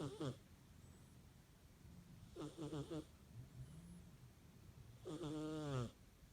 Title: My cat snores